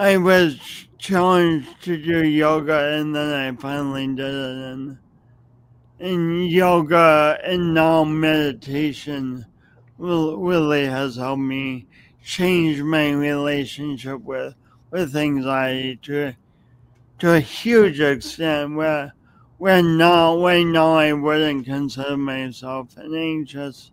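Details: Adult with a long-standing speech impediment, audible whenever they speak and present for many years; speech impediment with disfluency.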